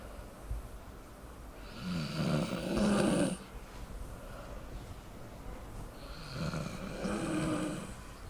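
Two slow, rough, rattling breaths about four seconds apart over a quiet room hiss: snoring from a sleeping dog, roughly 14 breaths a minute.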